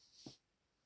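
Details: Adult's neck cracked by self-manipulation, a routine every morning; single brief pop, joint cavitation, with no other sound.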